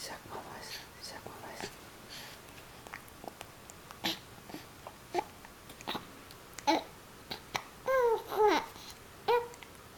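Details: Young child babbling, speech repeatedly broken by sharp, brief catches in the voice: hiccups while talking.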